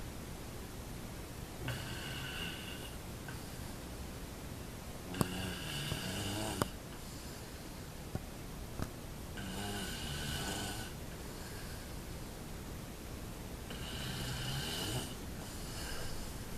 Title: snoring all night long